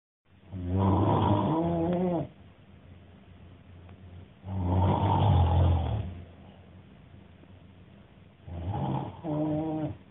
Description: One of my hostel-mates recorded my snoring after my Drunk History improv show.